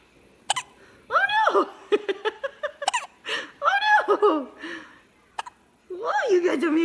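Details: Short squeaky catches from a breastfed baby mixed with giggles and an adult's laughter during play, after the breastfeeding mother drank coffee; squeaky hiccups.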